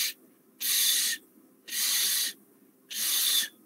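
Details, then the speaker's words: Lecturer imitating a wheeze during respiratory examination teaching, an added sound heard without a stethoscope (called rhonchi when heard with one): three hissing, faintly whistling breath-like sounds, then a brief voiced sound. "added sound قد يكون wheeze الwheeze يعني نسمع بدون السماعة صوت يعني شلون احنا نقول شلون يعني ويز يعني صوت او نغمه"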